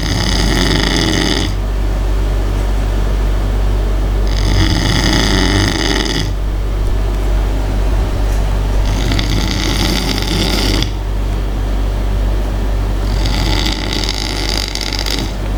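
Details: Loud, rattling snores about every four seconds, roughly 14 breaths a minute, over a steady low background rumble, from a sleeping friend: snoring.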